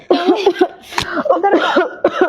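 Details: Short voiced coughs and strained throat sounds with one sharp burst as someone coughs after choking on food that entered the airway, told to keep coughing rather than drink.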